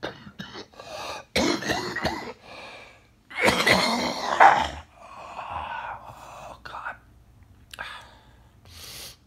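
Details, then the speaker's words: Adult with a cough and congestion for one to two weeks, worsening from occasional throat clearing to constant; cannot sing, feels otherwise well, suspects coronavirus, took medicine. Repeated harsh coughs with throat clearing and breathy sounds; persistent cough. "i can hear my voice and i'm coughing a lot and i got a lot of congestion coming up but i don't feel like i'm sick"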